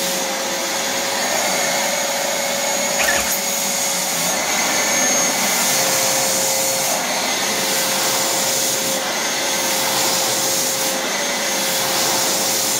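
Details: Homemade garage-built prototype ventilator made from a wet-and-dry vacuum cleaner that blows and sucks, with a drill-driven cam changeover valve; loud steady vacuum-motor roar with faint rhythmic airflow changes as it cycles to inflate and deflate lungs; untested on anyone.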